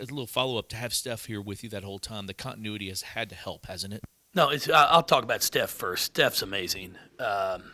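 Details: Adult speakers, question and answer; typical speech.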